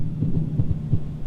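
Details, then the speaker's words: Rapid, regular low heart thumps around 170 a minute, heard by stethoscope on a virtual reality simulated patient confirmed on cardiac monitor: supraventricular tachycardia. "holy guacamole you are running I can double confirm that's correct"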